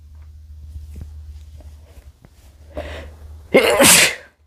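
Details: Adult man: quiet low room hum, a quick indrawn breath, then one loud explosive sneeze.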